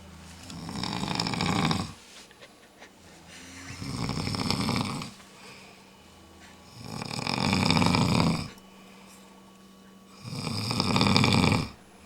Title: GRAPEVINE DARAKBANG-2010 MIRACLE HOTSPRING-5, snoring contest